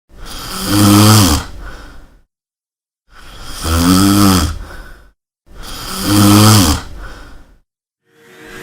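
Loud, rattling, vibrating snores on each in-breath, three in about eight seconds, with quiet gaps between; heavy snoring.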